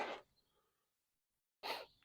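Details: Two short, forceful bursts of air through the nose separated by silence, a snort or sneeze from a fussy mare during a chiropractic session for a suspected left shoulder problem limiting her rotation.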